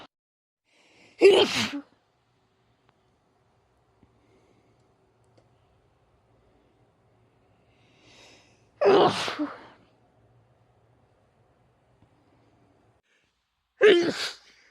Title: Recent female sneezes - a compilation